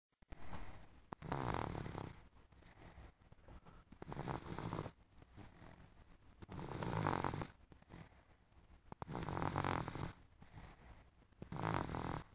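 Rough, rattling snores on each in-breath, about five in twelve seconds with quiet pauses between: ordinary snoring.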